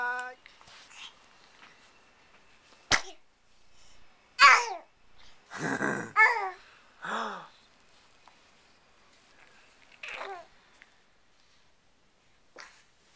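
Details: Sneezing montage: several short, sharp sneeze bursts separated by quiet gaps in a small room.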